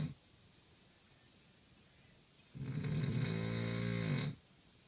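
A single loud, rough, rattling snore on the in-breath after a quiet pause; heavy snoring.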